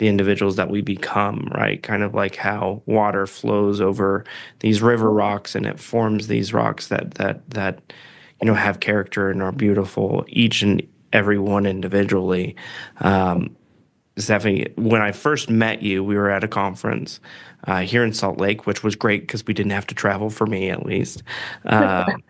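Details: Adult man speaking; ordinary speech.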